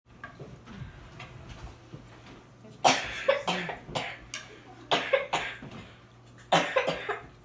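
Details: A child gives several short, deliberate coughs in quick pairs over quiet room noise, acting playfully (a "cough dab") rather than from illness.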